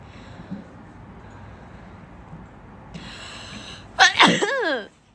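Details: Young Asian woman: quiet room, then a quick breath in and one sharp, voiced sneeze with a trailing vocal sound.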